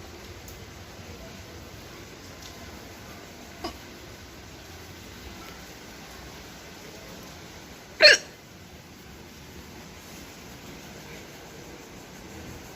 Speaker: बारिश और मैं जाने के लिए रेडी और मुझे आ रही है हि चकिया हिचकी ने कर दिया है परेशान